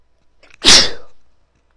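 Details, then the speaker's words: A short indrawn buildup, then one loud, forceful, hissing sneeze that fades quickly, from a female with a very tickly nose during a run of repeated sneezes. "Bless me. That was big."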